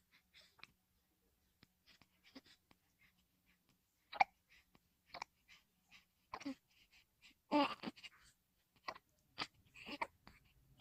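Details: Newborn baby: soft, brief catches at irregular intervals with faint infant sounds in a quiet room: hiccups.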